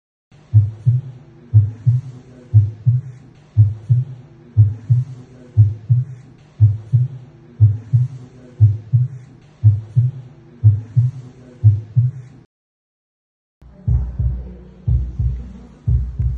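Steady, regular two-part heartbeat at about 60 beats a minute, with clear first and second sounds. Normal heart sounds at the mitral area.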